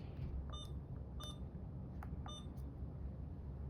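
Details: Short electronic beeps from an Alaris IV infusion pump being programmed for primary IV fluids per provider's order, over low room rumble.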